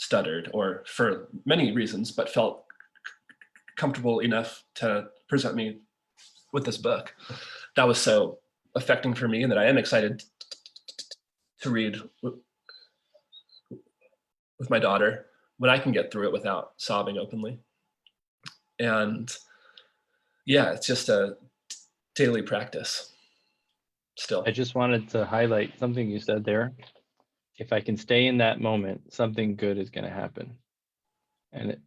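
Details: Stuttering in an adult man who is a father; stuttering.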